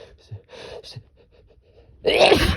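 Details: Sneezing after golf: sharp catching in-breaths, then one loud explosive sneeze at the end; the sneezer complains about their nose afterwards.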